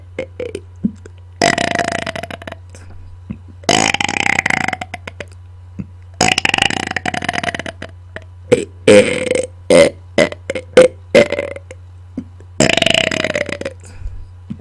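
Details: Deliberate, on-command burping close to a microphone: long, loud, rumbling burps alternating with short choppy belches, repeated and forceful.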